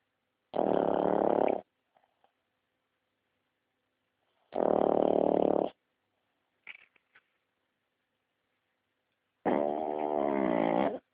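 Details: Sleeping pug snoring: loud, harsh, buzzing breaths roughly every four to five seconds, with silence between; snoring.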